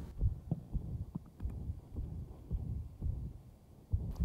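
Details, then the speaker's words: A 38-year-old man with a ventricular septal defect and pulmonary stenosis, heard at the mitral area (apex). Heart sounds with a softer systolic murmur radiating from a loud pansystolic VSD murmur. "and in the mitral a you can just hear the radiation from the loud VSD"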